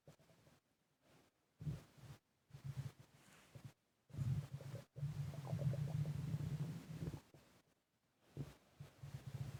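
Irregular low rumbles and bubbling gurgles, with a longer gurgling stretch midway, over heavy breathing: stomach gurgling (bowel sounds).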